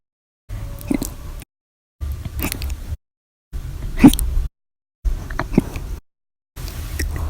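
Five short cut segments, each with a sudden sharp gulping catch in the breath. These are hiccups.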